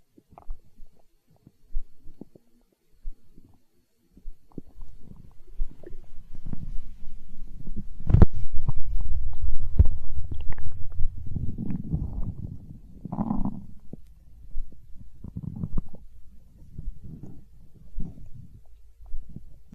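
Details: Stomach growling (borborygmi) from an ASMR recording: low gurgling and rumbling, rising into a long growl midway, then settling.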